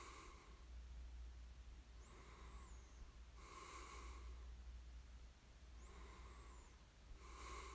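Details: Person snoring during sleep, recorded for ASMR: slow breathing with a soft rasping noise on each breath, about four breaths in eight seconds, against a steady low hum.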